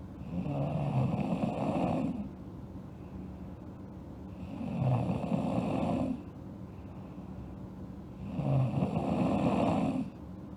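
Three steady, rattling snores on the in-breath at about one every four seconds, with quieter breathing out between them.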